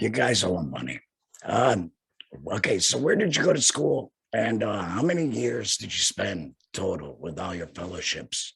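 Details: Man who had a total laryngectomy in 2020 and speaks without a larynx; alaryngeal speech after total laryngectomy.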